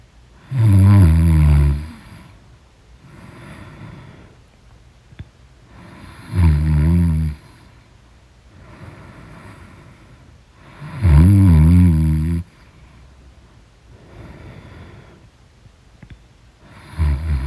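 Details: Loud, low rattling snores on each inhalation, about every five seconds (roughly 12 per minute), with quieter exhalations between, during deep sleep; snoring.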